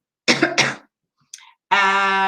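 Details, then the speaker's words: Two quick, harsh coughs from an adult speaker who has a bad cold, followed by a brief breath and a steady tone; cough. "have a terrible terrible terrible cold and a cough so I hope to god that you don't hear it at all"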